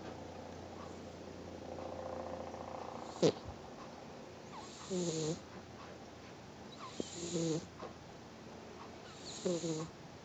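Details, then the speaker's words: Sleeping female pet, Penny, paw twitching, snoring intermittently: soft snorting snores about three in ten seconds over quiet room noise, stopping then resuming: snoring. "Oh, she's not snoring now. Oh, there it goes again."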